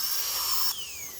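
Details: Loud, piercing high-pitched whine of a dental drill that stops and spins down, cutting a tooth for a cap (crown) after a completed root canal, before impressions are taken.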